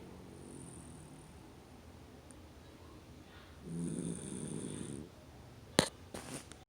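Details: A single soft rattling snore on an in-breath, followed by a couple of sharp knocks, over faint room noise; snoring.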